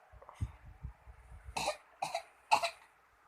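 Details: Three short, exaggerated put-on cough bursts from a baby said to be about 5 months old, done playfully on request; a voluntary fake cough, not an illness cough.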